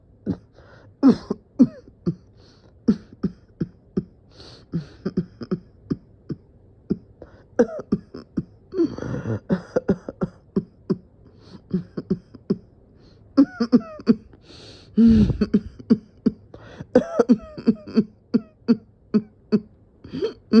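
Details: Coughing fit with dizziness, the person feeling they were about to pass out: repeated short, dry coughs and throat-clearing for about twenty seconds, with longer, harsher spells; persistent cough.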